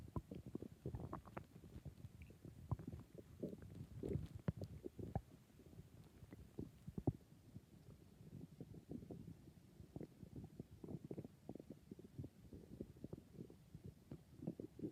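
Irregular low gurgling and rumbling bursts continue throughout: ordinary stomach growling from gas and fluid moving through the gut.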